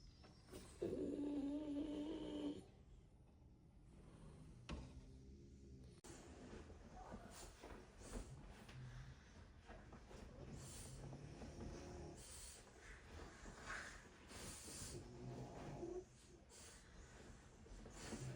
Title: Barely two hours into the shift, and they're already snoring!🐾 #puppies #frenchbulldog #remotework